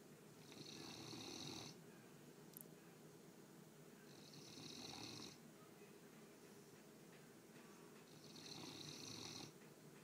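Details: Newfoundland dog snoring in sleep: slow, regular rattling snores about every four seconds, with a hissing quality during each breath.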